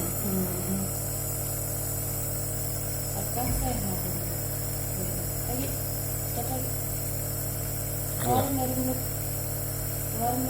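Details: Steady loud motor hum of a running nebulizer giving steam treatment to a 5-year-old child with cough and cold, faint adult voices underneath.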